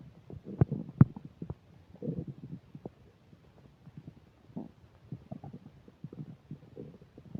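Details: While eating a burger and fish fries with self-described upset digestion, new microphone picks up frequent low abdominal gurgling and rumbling with a few sharp microphone clicks; loud, active bowel sounds (borborygmi).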